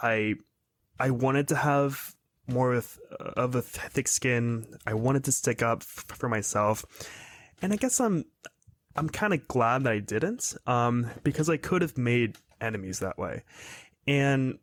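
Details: 22-year-old man who has stuttered his whole life, recently reaching confidence and acceptance of it, speaking in a real podcast interview; stuttering.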